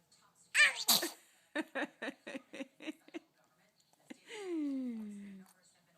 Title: Sneezing